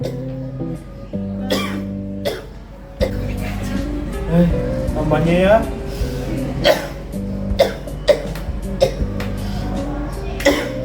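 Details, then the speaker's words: Acted cough in a cough-etiquette education video: an adult man who has had a cough for about a week gives several short, harsh coughs over steady background music. "Oh batuk ya? Iya Pak, batuk udah semingguan inilah."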